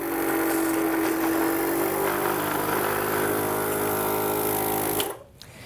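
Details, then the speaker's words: Suction machine briefly switched on to check catheter patency, drawing saline through, before non-emergent suctioning of a client ventilated 24 hours a day and not in respiratory distress: steady loud motor hum with a faint rattling pulse for about five seconds. "With my left hand, I'm going to turn on the suction machine briefly just to make sure that the inside of the catheter is clear and ready to go."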